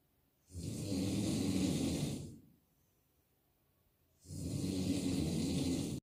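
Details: Heavy snoring from a sleeping person described as an alcoholic: two long, loud, rattling snores about four seconds apart with a quiet pause between them.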